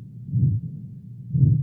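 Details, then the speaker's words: Short heart sound recording from a PhD dataset, labelled abnormal, showing sign of disease: low-pitched heart sounds with an extra prolonged whooshing murmur between beats; pathological heart murmur. "now this is M which is having a Sur disease sign of a disease"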